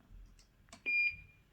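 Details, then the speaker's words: Infusion pump alarm in a hospital room less than 24 hours after large bowel removal surgery for bowel cancer: a couple of soft clicks, then a single high-pitched beep; patient unsure why it's beeping, suspects blockage. "I'm not sure why that's beeping. I don't know if I made the things blocked."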